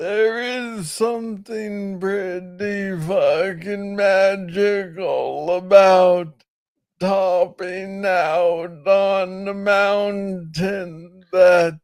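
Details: Adult man diagnosed with Parkinson's disease in 2014 at about age 35, first misread as tennis elbow; noted to speak slowly. Slow speech in Parkinson's disease.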